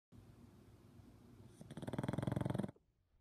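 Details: Snoring: low steady rumbling, then a burst of fast rhythmic fluttering snores for about a second before stopping.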